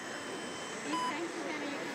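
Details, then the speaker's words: A single short electronic AED beep outdoors on a beach, with the prompt "do not touch patient, analyzing rhythm", during real CPR on a drowned man, clinically dead about four and a half minutes after two shocks. "do not touch patient analyzing rhythm tucker's had two shocks he's in spasm patients rarely survive if they need more than three shocks"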